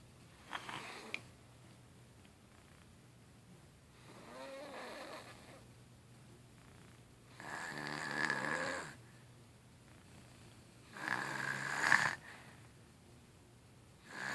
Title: Baby snoring